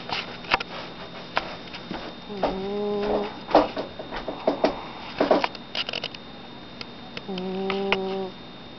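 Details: Two steady, whistling-toned snores about five seconds apart, each about a second long, from a sleeping chubby male cat, with faint clicks and room noise between breaths: snoring.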